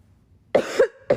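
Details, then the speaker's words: Lingering cough in an adult woman after an illness some time ago, which she attributes to allergies and the season: two short, sharp coughs half a second apart in a quiet room, with throat clearing. "This is the lingering This is just the last bit of cough. This is I'm not sick. I was sick a while ago."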